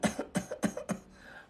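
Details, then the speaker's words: Doctor imitating a child's hard dry reflex cough, described as the body scratching itchy throat secretions with forced air: four short, hard, dry coughs in quick succession; dry cough, demonstrated. "Kaya 'yung ubo po ng mga anak niyo na 'yun 'yung pagkamot niya dun sa ubo. Kinakamot niya sa pamamagitan niya ng forced air."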